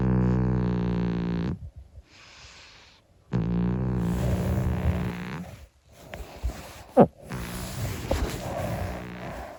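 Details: Snoring from Monkey, a 25-year-old calico cat asleep: low, rumbling, vibrating breaths with a pause between them, then a soft snort.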